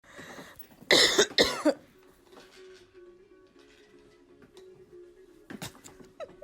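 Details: Coughing from a 29-year-old mother sitting behind her daughter, who is almost two: three quick, loud dry coughs, then quiet with soft background music, and a final short cough.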